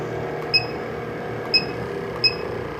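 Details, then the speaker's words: Sequal Eclipse 5 portable oxygen concentrator in pulse-flow mode: short sharp oxygen puffs over a steady motor hum, demonstrated. "the ml's is your bolus size or the size of each puff of air that you receive and the number of the 2.0 is your pulse setting"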